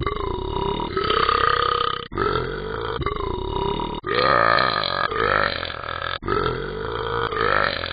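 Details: Four long, loud, drawn-out voiced, rumbling belches in a row from the Talking Ben the Dog app; repeated burping.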